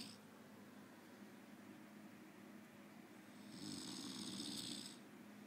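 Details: Man snoring in sleep after too much drinking.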